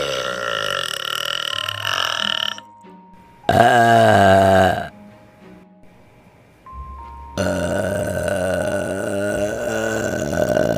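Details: Girls burping in TikTok clips: several long, loud burps with background music between them.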